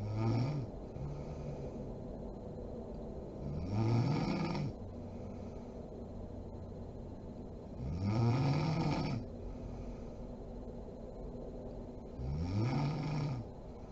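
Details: Mother (adult woman) asleep: loud, rough snores on each breath in, about 14 a minute, with quieter breathing and steady room hum between; sleep snoring.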